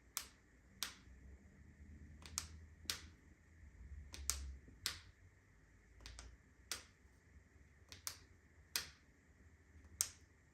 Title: My ankle makes strange sound